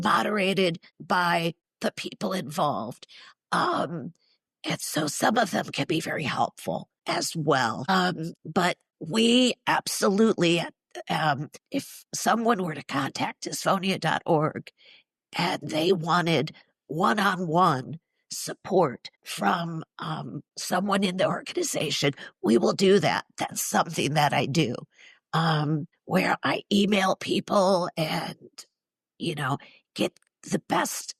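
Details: Spasmodic dysphonia, neurological (basal ganglia), with essential tremor, in a woman in her mid-60s treated with Botox injections to the vocal cords; weak voice, especially disrupting vowels.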